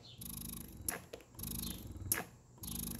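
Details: Spectra S2 electric breast pump starting a new pumping session after its cycle level was adjusted: rhythmic low motor hum in repeating cycles with soft clicks and hiss between them.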